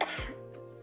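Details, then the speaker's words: Adult who is still coughing gives a single short, harsh cough during a live stream, with steady background music playing; cough. "I'm still coughing okay so you will hear the occasional conflict leaks out"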